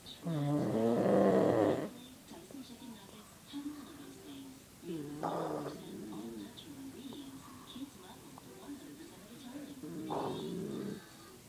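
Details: A man snores deeply and roughly about every five seconds, one snore loud and the others quieter, with noisy breathing in between.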